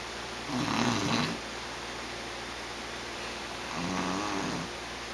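Two low rattling breath sounds a few seconds apart over steady room hiss, consistent with snoring.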